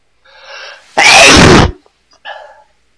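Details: Acted TV drama scene (Breaking Bad): a short indrawn breath, then one loud explosive sneeze and a brief exhale afterward: simulated sneezing.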